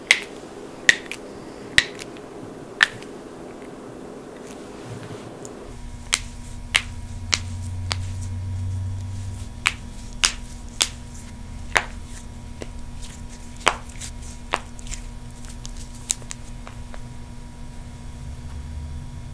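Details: Joint cracking (cavitation) from a compilation of knuckles, necks, toes, backs, wrists and ankles: sharp, brief pops, irregularly spaced, over a steady low room hum.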